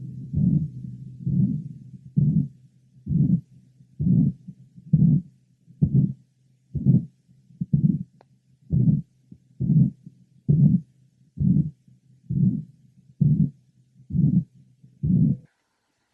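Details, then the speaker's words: Man with osteogenesis imperfecta (blue sclerae, many bone fractures) and ruptured mitral chordae tendineae, at the apex: regular heart sounds about 65 a minute, each with a loud holosystolic mitral regurgitation murmur. "our next patient also has a ruptured C any"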